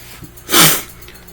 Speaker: I got sneeze. Sorry, you had to hear that. I couldn't pause it, so sorry.